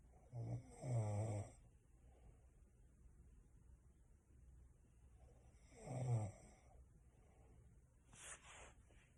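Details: Snoring during sleep: two loud, rattling inhaled snores about five seconds apart with quiet breathing between, then a softer exhalation.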